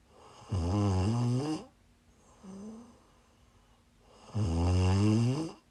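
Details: Snoring while sick, recorded during a live stream: two loud, low, rattling snores about four seconds apart, with a faint softer sound between them.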